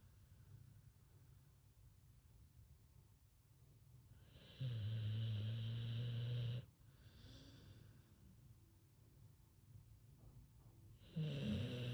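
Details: Sleeping American Bully / pit bull dog snoring: two loud, low, rumbling breaths about six seconds apart, with quiet breathing between them.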